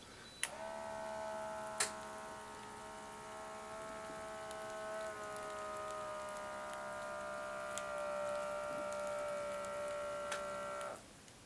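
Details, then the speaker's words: Home dialysis patient, weighed 163 tonight, sits quiet and still while an automatic blood pressure cuff clicks, then hums steadily for about ten seconds as it inflates and measures; reading better than usual (last night 170/105). "right here I already weighed myself and I weighed 163 tonight and now I'm going to check my blood pressure am I talking loud enough okay I'm have to be kind of quiet and still for a"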